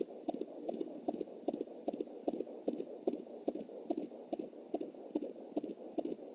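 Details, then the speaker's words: Fetal heartbeat at 20 weeks + 7 days on a handheld Jumper Doppler, anterior placenta: fast, regular galloping whooshes over hiss, about 150 a minute, distinct from the mother's heartbeat at 93. "Definitely has to sound like a horse galloping. That's the baby."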